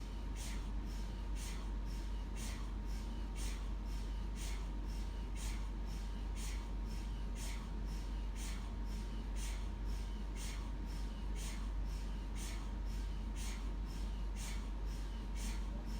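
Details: Steady low droning hum with rapid, regular rhythmic knocking pulses and a faint constant tone: a looped recording of MRI scanner noise.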